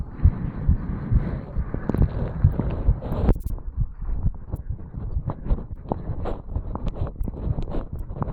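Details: 35-year-old male, recorded at the mitral valve area after jogging up stairs: quick, dull thumping heartbeats about 130 a minute, running and rubbing noise early; normal fast heartbeat after exertion.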